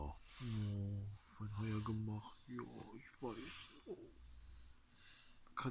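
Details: Snorting from a bulldog: low, rough, irregular snorting and grunting breaths, with brief quiet gaps between the noisy bursts.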